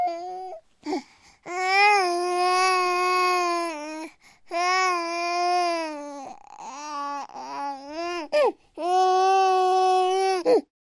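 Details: Sound-effect recording of a 9-month-old baby screaming or crying followed by whining: loud sustained high-pitched wails with short breaks, breaking into choppier whining cries; normal infant crying.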